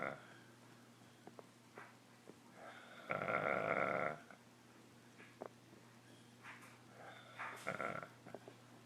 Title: Boy now snores like Chewbacca from Star Wars